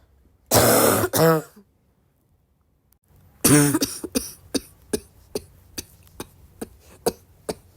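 Harsh, loud, voiced coughs, then a run of shorter sharp coughs, giving a barky coughing fit.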